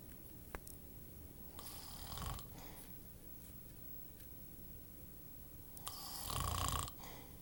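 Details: Snoring during sleep: soft, rattling snores with noisy inhalations about every four seconds over steady room noise.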